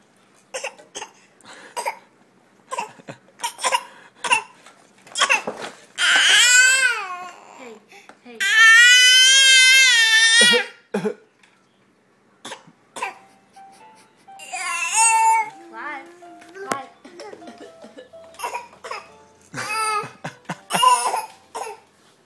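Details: Infant boy, about a week short of 8 months, fake coughing on command: a series of short, dry, forced coughs between bursts of babbling and cry-like sounds.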